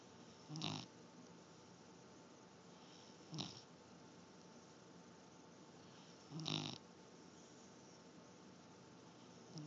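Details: Three soft, brief snoring breaths a few seconds apart over steady room noise; light snoring during sleep.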